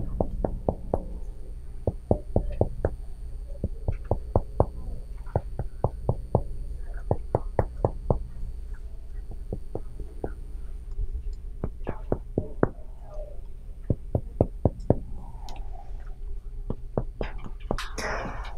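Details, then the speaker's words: Finger percussion of a patient's back during a respiratory assessment, first finger joint placed flat and tapped with the other hand: repeated hollow, low-pitched taps, a resonant note of air-filled lung. "so to perk us you're going to place your your finger trying to get this first joint on flat onto the patient's back and then we're use the other hand to tap"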